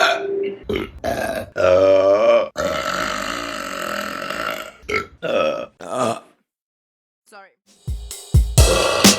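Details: Compilation of burping: several loud, drawn-out, rumbling belches in a row with background music.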